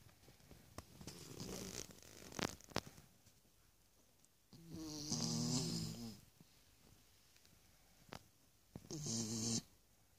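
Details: Mimi, a tired Miniature Schnauzer resting with her 4-day-old puppies: two rattling, buzzing snoring breaths, each a second or more, in a quiet room; dog snoring.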